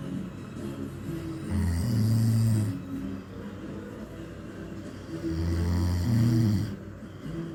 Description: Old man snores loudly and annoys beautiful girl.